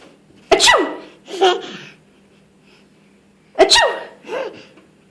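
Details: Person sneezing while another laughs: two sharp, explosive sneezes a few seconds apart, each followed by a softer breathy sound, in a quiet room; sneezing.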